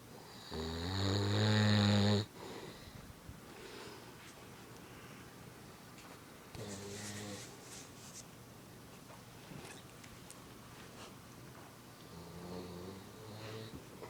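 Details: Father fallen into deep sleep while children play nearby: one loud, buzzing snore, then softer snores, over background children's play noise.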